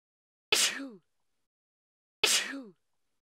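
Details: Sneezing sound effect, male and female: two sharp, explosive sneezes, each a sudden hissing burst with a brief falling voiced tail.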